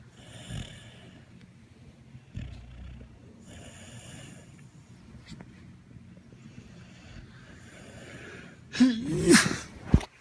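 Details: Sleeping puppy at 7:30 in the morning: soft, rhythmic snoring breaths, followed by a few louder snorting noises at the end.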